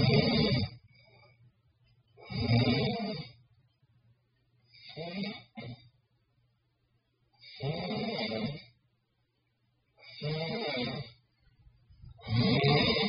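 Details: Loud, rough snoring bursts about every two and a half seconds, roughly 25 a minute, with quiet gaps between; ordinary snoring.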